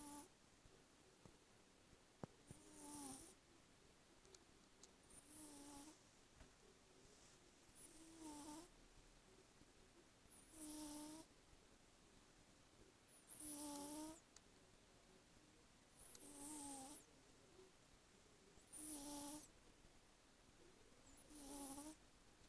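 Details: Small, squeaky whistling snores on each breath, regular at about 22 breaths a minute, from a sleeping kitten snoring for the first time; snoring.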